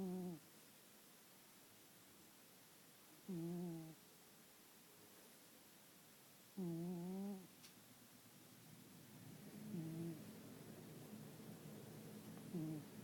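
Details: Sleeping cat snoring: soft, squeaky, tonal snores about every three seconds, one with each breath.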